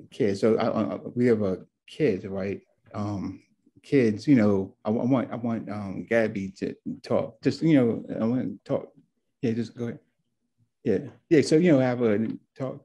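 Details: Adult man, stroke survivor, with word-finding problems; real patient; aphasia.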